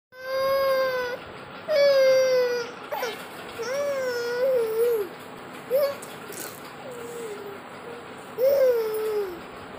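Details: An infant cries in repeated wails with brief whimpering breaks, a strong clear voice throughout, crying during a power cut.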